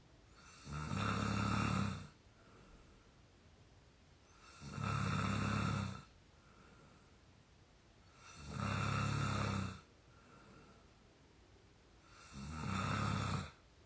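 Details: Real snoring from an exhausted 22-year-old sleeping deeply: loud rattling snores on each inspiration, about 15 a minute, with quiet exhalation between; ordinary snoring.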